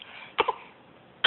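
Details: An infant gives a quick pair of short, light coughs, then another burst cut off at the end.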